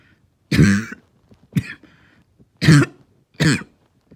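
Four short, harsh, low-pitched coughs in quick succession, with a hoarse, barking quality.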